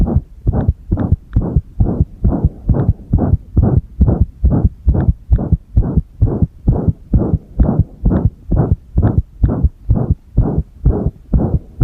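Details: Irregular heartbeat (arrhythmia) heard with the chest pressed, recorded alongside a single-lead ECG: loud thudding heart sounds at about 130 a minute with uneven spacing between beats.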